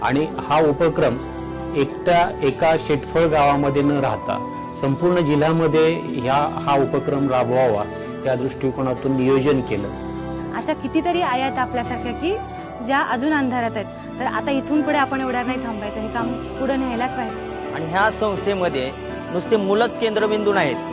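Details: Adult male narrator; normal speech.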